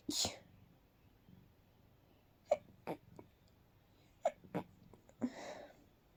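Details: Quiet, very stifled night sneeze attack, held back so no one woke up: several short muffled bursts, each with a brief breath beforehand, in a quiet room; run of stifled sneezes.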